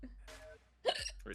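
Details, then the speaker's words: A single sharp, voiced hiccup from an adult who says they are drunk and that hiccuping hurts, amid soft background sounds. "my hiccuping cuz I'm drunk yes why does that happen I'm in the faction it's not my fault it's hard not taking Cup it hurts"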